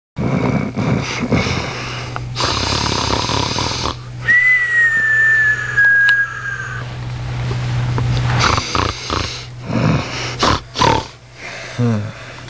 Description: My bro snoring crazy